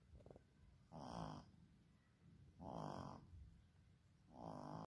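Three slow, rhythmic rumbling snores on breathing in, about 37 a minute, from a sleeping pet; ordinary snoring.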